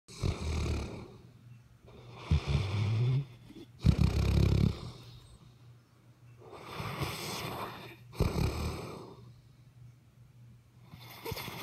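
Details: Loud, rough snoring from a sleeping dog, with rattling inhaled snores and softer breathy exhales repeating in slow cycles; ordinary snoring.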